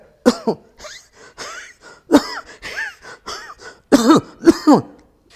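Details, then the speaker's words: An adult actor's practised imitation of a wheezy cough (ಗೂರಲು ಕೆಮ್ಮು) for a film role, described as whistling during the cough: several harsh coughs with a whistling, wheezy quality between bursts. "ಈ whistle ಅವರು ಕೆಮ್ಮು ತಿರುವಾಗ ಆ whistle ಬರುವ ಹಾಗೆ practice ಮಾಡಿಕೊಂಡು ಬಿಟ್ಟಿದ್ದಾರೆ"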